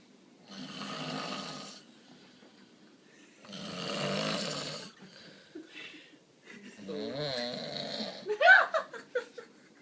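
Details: Snoring recorded on an iPhone: two long, loud, rattling snores, followed by a short stretch of other noise.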